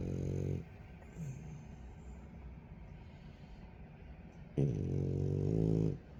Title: Frenchie snores loudly all the time. #youtubeshorts #viral #frenchbulldog #animalshorts #frenchie